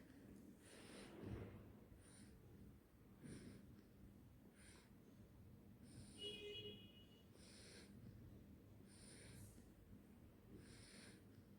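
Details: Sleeping 4-month-old baby breathing with soft, hissing, snuffly noises about every 1.2 seconds (near 50 a minute); light infant snoring or snorting.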